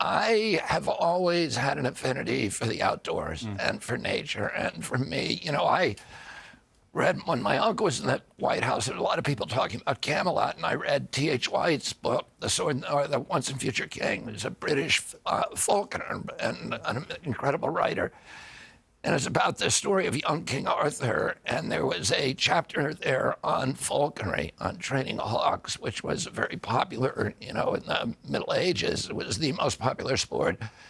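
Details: Adult man with spasmodic dysphonia (he calls it spasmodic dystonia), a neurological disorder that began at age 42 after a 1996 injury. His vocal cords are uninjured. Surgery in Kyoto about eight months earlier made his voice more reliable; he is now trying alternative therapies.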